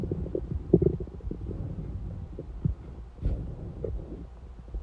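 Low gurgling and bubbling stomach rumbles with brief squeaky pops, typical of an empty, hungry stomach.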